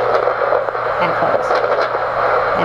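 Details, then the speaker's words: Doppler auscultation of a woman's temporomandibular joint during wide jaw opening, past the quiet first-quarter-inch rotation into translation: steady Doppler hiss with faint scattered grating bursts, TMJ crepitus. "translation is the rest of the opening past a quarter inch and if you listen you will hear crepitus or increased noise beyond the background noise"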